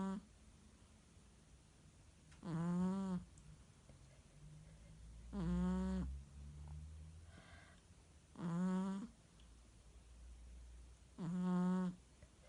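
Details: Merle Chihuahua sleeping and snoring: four short, buzzing, fluttering snores, about 21 a minute, with a low background hum.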